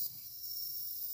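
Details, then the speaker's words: Portable mesh nebulizer running in adult mode: a very quiet, steady, high-pitched hiss. "here we have the on and off button there are two settings depending on whether you are using the device for an adult or for a child press the button once for the adult mode"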